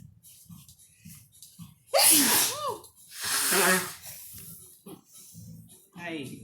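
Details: Person having a sneezing fit: two loud sneezes, each with a sharp inhaled build-up and explosive release, with quiet breathing and murmuring around them.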